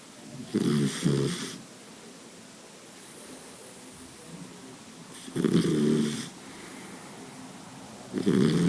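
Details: Sleeping Boxer dog snoring: loud, rough, rattling snores, three bursts in about nine seconds, in a quiet room; snoring.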